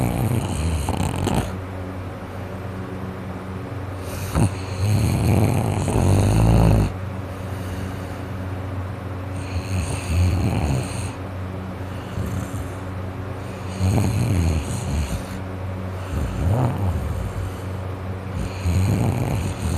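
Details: Adult with a cold and a congested nose and throat, asleep: loud, rough, rattling snores with snorting on each breath, about 13 a minute; snoring with nasal congestion.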